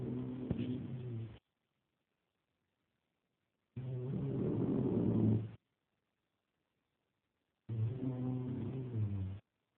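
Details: Three long, rough, rumbling snores about four seconds apart, separated by silence, from a sleeping man; ordinary snoring.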